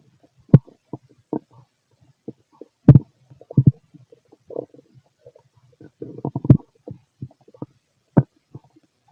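Scattered low gurgles and short rumbling bursts over a quiet background: ordinary stomach growling during digestion.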